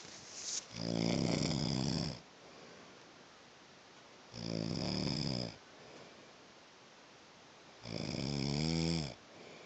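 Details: Man's heavy snoring that grows louder: three loud, long, rumbling snores on breathing in, about every three and a half seconds, with quiet breathing out between.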